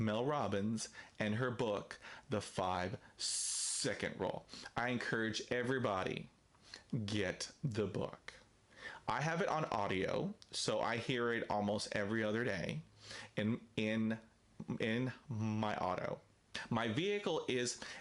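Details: Stuttering in an adult man who stutters.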